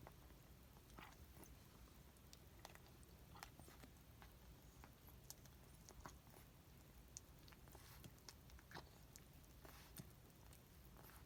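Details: 17-year-old female cat grinding while eating for 4–6 weeks, with mucousy, snotty saliva: quiet, irregular crunching and grinding clicks during chewing over steady room hiss; an abnormal chewing noise.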